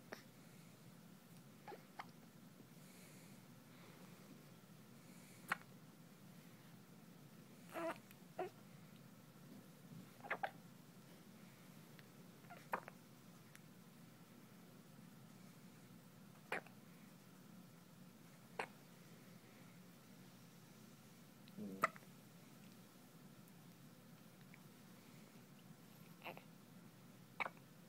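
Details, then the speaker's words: Newborn on day 1 after birth in hospital with hiccups: soft, brief hiccup clicks every couple of seconds in a quiet room, with visible twitching; ongoing newborn hiccups. "you stop? Oh no, we still hiccuping. We're getting frustrated with it too."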